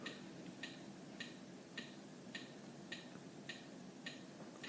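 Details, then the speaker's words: CPR metronome clicks in AED training simulation after a shock: steady sharp clicks at about 105 per minute pacing chest compressions at a 30:2 compression-to-breath ratio. "begin CPR alright and we start CPR at a ratio of 30 chest compressions the two rescue breaths"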